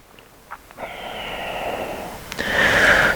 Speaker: you hear the snoring sound that's come from my dog